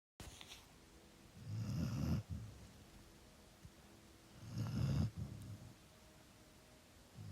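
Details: Loud snoring.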